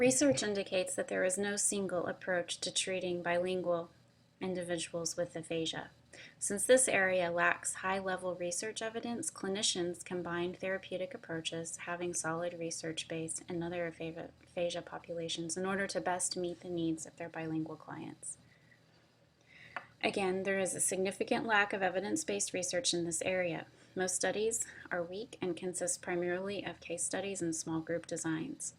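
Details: Adult woman speaking; normal fluent speech.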